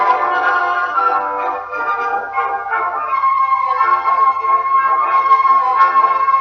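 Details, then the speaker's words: Simulation of normal hearing: a piece of classical keyboard music played clear and crisp, as a person with normal hearing would hear it, for comparison with conductive hearing loss. "The first demonstration is of a person with normal hearing. Let’s take a listen, and see what that sounds like."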